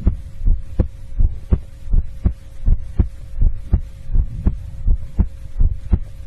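Steady, regular paired lub-dub thumps at about 80 beats a minute over a low, constant hum; an ordinary heartbeat.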